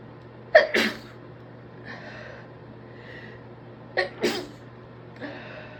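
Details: Induced, stifled sneezes from an adult student who suspects a stress cold, congested and sniffly all day: two sharp catches with muffled bursts, followed by sniffles.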